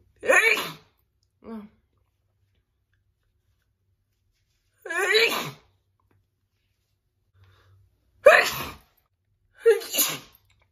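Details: Woman's big, loud sneezing attack: four loud sneezes in about ten seconds, with quiet gaps and a brief small sound after the first.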